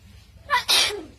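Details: A quick sharp intake then a loud, hissing sneeze-like burst from a talking mynah bird (beo) imitating a human sneeze.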